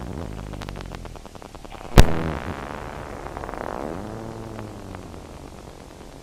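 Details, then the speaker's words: Needle EMG at rest, no muscle activation, in a patient evaluated for necrotizing autoimmune myopathy, thigh then deltoid: repetitive crackling firing waxing and waning in pitch with lots of irritability; myotonic discharges. "so what do you have here on the first recording of those five myotonic discharges and on this recording has lots of irritability"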